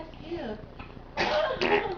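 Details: Baby, titled as sneezing: soft infant vocal sounds, then two short explosive bursts like a small cough or sneeze.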